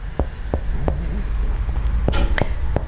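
Five hollow finger taps on the chest over low room hum, giving a resonant percussion note over normal lung.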